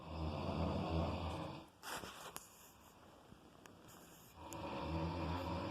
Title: Snoring sounds like i95...lol